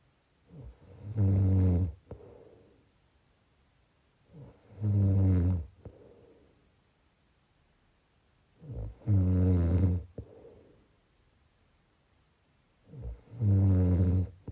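Four loud, low rattling snores on the in-breath, about 14 breaths a minute, with quiet out-breaths between; snoring.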